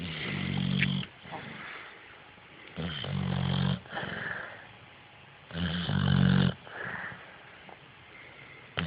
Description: Maya our pit bull snoring. This was taken shortly after we got her from the shelter.